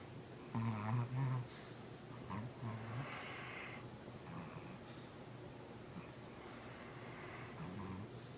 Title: Dog Snoring, Daydreaming & Farts to Wake Up.